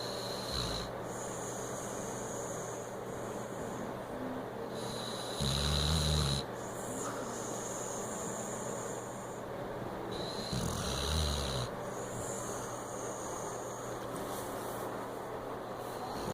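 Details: Snoring from an overweight Weimaraner dog: uneven low rumbling snores about 12 a minute over steady background noise.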